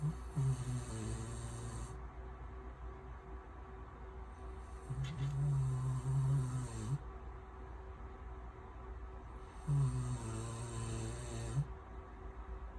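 Low, buzzing snores roughly every four to five seconds, with hissing breaths between them. Snoring.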